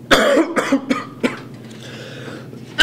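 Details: A cough heard during a high school's daily announcements.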